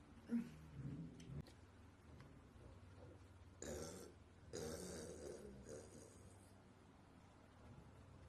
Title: Hot Latina Burps